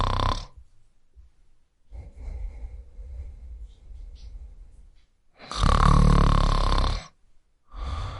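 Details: Snoring during sleep: loud, harsh rattling snores on the in-breaths, separated by softer, noisy out-breaths in a quiet room.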